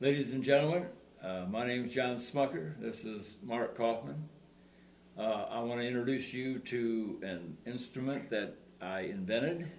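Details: Adult man speaking; normal speech.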